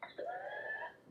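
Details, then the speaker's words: Infant with whooping cough (pertussis) in the second, paroxysmal stage, struggling to get air: a brief cough followed by a long, high-pitched, crowing in-breath, the inspiratory whoop of pertussis. "This is a baby with whooping cough. Can you hear that? So, that baby is struggling to get air,"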